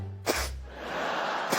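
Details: Woman on a talk show who blames awful allergies has a sneezing fit, in a looped clip: a sharp explosive sneeze, then a sniffing snort, then the start of another sneeze.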